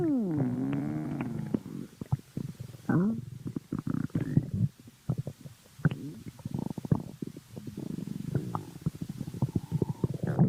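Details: Person's stomach: long low gurgling and rumbling with bubbling pops and a drawn-out groan: ordinary stomach growling (borborygmi).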